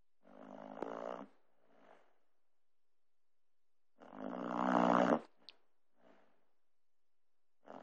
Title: Moves like Jagger, snores like Grampy